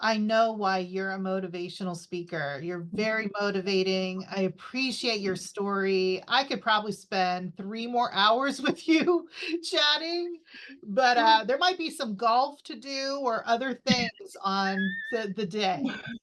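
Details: Adult woman speaking; typical speech.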